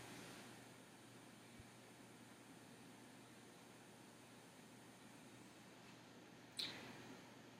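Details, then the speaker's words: Normal renal artery auscultation with the stethoscope bell in an adult male with abdominal pain: quiet hiss, no whooshing bruit. Aortic, renal, iliac and femoral arteries checked with no bruits. "iliac and the femoral and no breweries were hurt"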